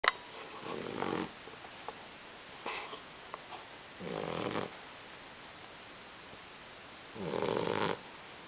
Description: Munson snoring loudly